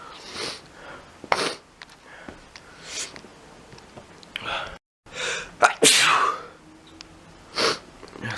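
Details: Adult sneezing repeatedly: a series of forceful sneezes in a quiet room, each a sharp noisy burst after a brief inhalation.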